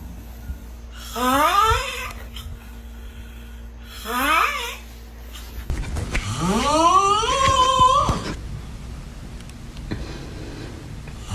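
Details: Loud snores rising into squeaky, whistling tones, the third long and drawn out; noisy whistling snoring.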